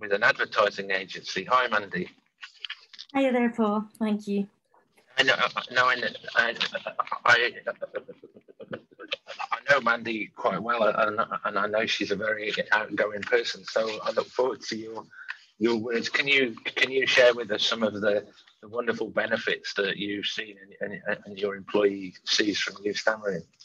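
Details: Adult man who stammers, speaking openly with his stammer; stammering.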